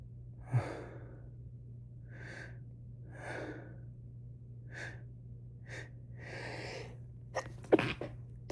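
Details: Sick person, week-long possible cold with chills, sore bones, sore throat, congestion, sneezing for days: run of soft breathy stifled-sounding bursts, then sharper sneeze near end over steady room hum; sneezing.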